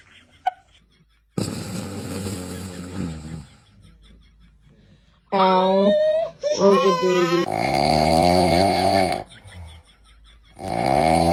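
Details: Short bursts of high-pitched baby crying and fussing, separated by quiet pauses, in a small room. The infant cries in response to a father's snoring. Ordinary infant cry.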